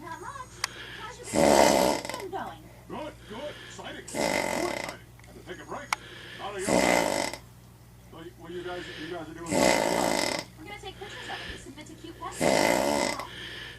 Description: a video showing a person with sleep apnea.